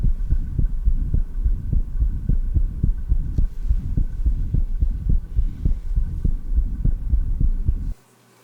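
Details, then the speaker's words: Stethoscope at the lower left sternal border in a patient with atrial septal defect: low, muffled heartbeats with a normal first heart sound and a soft diastolic rumble across the tricuspid valve. "now listen to a recording made in a patient with an atrial sepal defect with the stethoscope at the lower left sternal border note the normal first heart sound and also the diastolic Rumble heard across the tricuspid vest"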